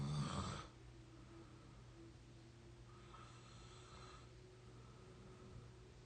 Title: real exhausted snoring 22 year old audio 3